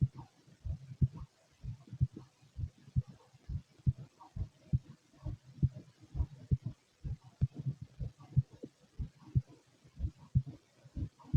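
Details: Heartbeat: low, steady paired thumps at about 60 beats a minute, regular, with a faint hum behind.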